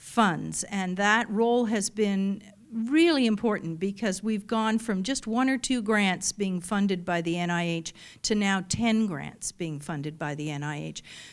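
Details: Adult woman speaking; typical speech.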